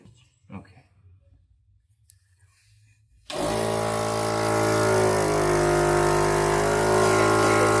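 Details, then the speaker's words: Nasal suction machine used to remove snot from a congested young boy's nose, about 10 seconds per nostril: quiet room, then a loud steady motor drone with tonal hum starts suddenly. "well as you can see it was a lot of setup for a very little amount of time that we actually used the suction machine it actually what was it maybe 20 seconds oh yeah 20 seconds maybe 10 seconds per nose"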